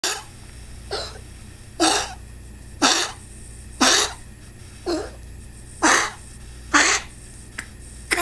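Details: Dog coughing, recorded 2 February 2019: eight short, harsh, airy coughs about a second apart over eight seconds, in a steady repeating run.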